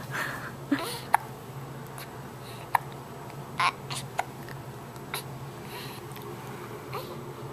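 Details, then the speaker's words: Infant with hiccups: about five short, sharp hiccups at irregular one-to-two-second intervals in a quiet room; ordinary infant hiccups. "you're not going to smile when you have hiccups because you hate hiccups huh"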